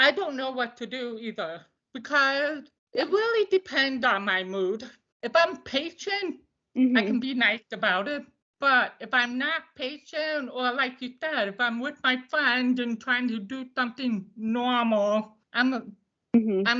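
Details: Deaf speech of an adult woman who uses a service dog; she attributes how her voice sounds to not hearing the way others do.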